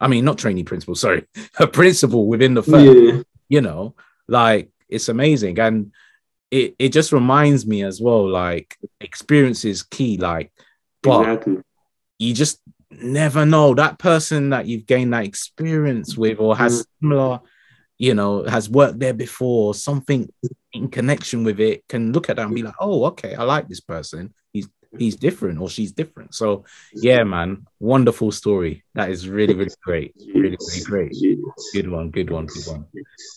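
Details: Adult male speaker; typical speech.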